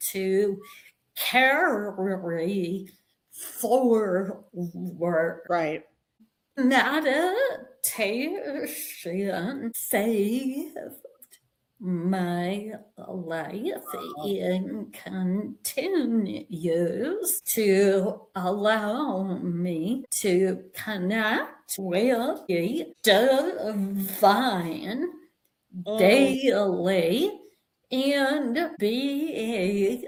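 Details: Vocal tremor in an adult woman, real, which the description attributes to over five decades of narcissistic abuse and trauma, beginning at age five, affecting her body and nervous system.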